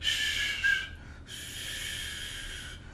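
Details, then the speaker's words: Vocal imitation of the aortic stenosis murmur, described as harsh and crescendo-decrescendo: breathy whooshing hisses representing an ejection systolic murmur. "for example the aortic murmurs are harsh they are crescendo decrescendo like shh"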